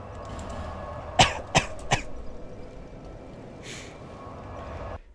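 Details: Adult gives three short, sharp coughs in quick succession, then a few fading throat sounds over low room hum; dry cough.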